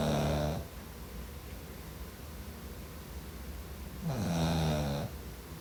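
Two deep, rattling snores on breathing in, separated by a quiet breath out; ordinary snoring.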